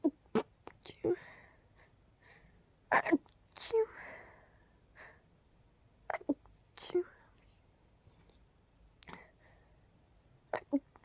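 A run of short, muffled, held-back bursts of air with soft breathy sounds between them; stifled sneezes.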